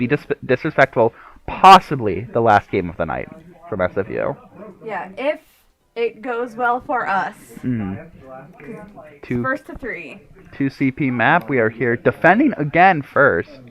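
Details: Adult speaker, casting a game; ordinary conversational speech.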